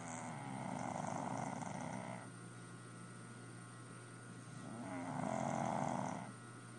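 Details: Snoring during an afternoon nap near an air conditioner: two slow, rumbling, fluttering inspiratory snores about five seconds apart over steady room hum; snoring.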